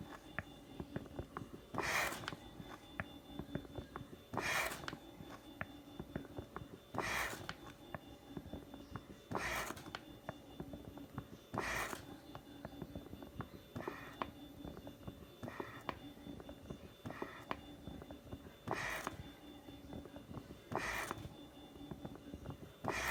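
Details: Regular mechanical whooshing bursts about 25 times a minute over a steady motor hum from a homemade mechanical ventilator running 60 hours straight, the last 10 on a power pack.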